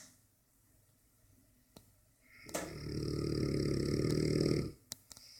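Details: A Dogue de Bordeaux dog asleep and snoring loudly, sometimes drowning out the TV and audible from the second floor: snoring.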